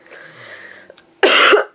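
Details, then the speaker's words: Cough in an adult who is sick and stuffed up. One harsh, loud cough burst after a quiet stretch. "well with me being sick if I'm coughing a lot he will like lay his body on me or lay his head across my head he very sweet boy"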